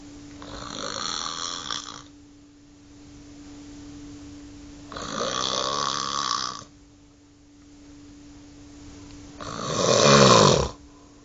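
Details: Hospital snoring: three loud, rough snoring breaths about every 4–5 seconds, roughly 13 a minute, over a steady electrical hum.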